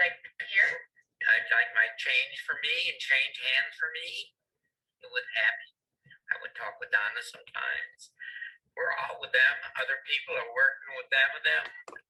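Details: Person with Wernicke's aphasia, speaking fluently but with impaired comprehension; Wernicke's aphasia.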